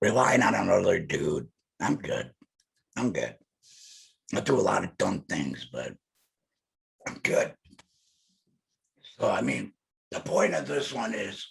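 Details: Alaryngeal speech from an adult male laryngectomee.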